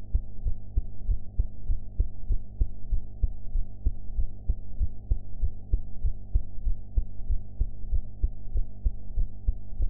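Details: Own heartbeat recorded after eating, with sound quality enhanced: steady, regular low thumping heartbeat over a constant background hum; ordinary heart sounds.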